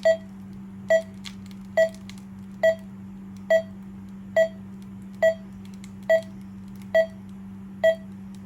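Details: Primedic DefiMonitor EVO defibrillator-monitor connected to a simulator at about 70 bpm: steady pump hum as the blood pressure cuff inflates, with regular pulse beeps at about 70 a minute.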